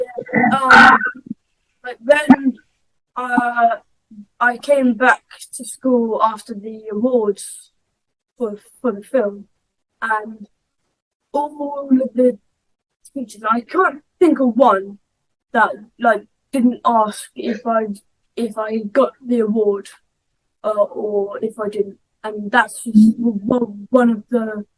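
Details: 11-year-old boy who stammers, in a conversational interview. Stammering.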